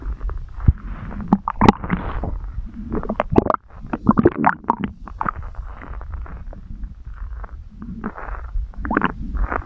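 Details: Continuous bubbling, gurgling and squelching with low rumbling underneath, recorded close up in an ASMR recording; active bowel sounds, stomach growling (borborygmi).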